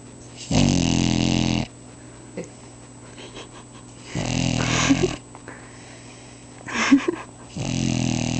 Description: My deaf baby boxer snoring up a storm.